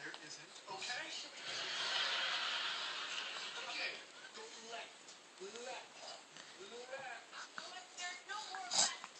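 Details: Sneeze from an infant sitting in a Bumbo seat and falling asleep: cooing and babbling over faint room noise, then a sudden sharp burst.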